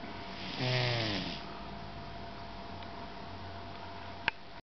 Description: My cat "nim nim" having a snooze on the back of the couch snoring away